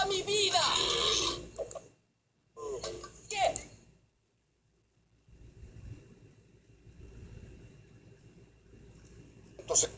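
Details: Cartoon crocodile and rhino characters making loud, drawn-out staged burps, mixed with Spanish dubbed speech and background sound effects; simulated belching.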